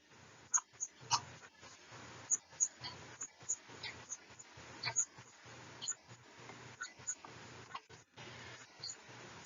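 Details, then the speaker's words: Low thumping normal heart sounds (S1 and S2) under crackly noise: the lub at the start of contraction and the dub at its end, from the heart valves closing. "heart some results from the valves closing see that the valves close we get the heart sounds the lub sound start of the heart contraction so love and then dub is the end of the contraction"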